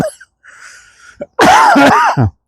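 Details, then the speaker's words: Adult walking outdoors in cold morning air (about 5–7 °C), feeling unwell; breathy intake then loud harsh cough burst with strained voiced tail and brief second burst, cough triggered by cold air. "Not with me cough. When I came out into the cold air, it catches you."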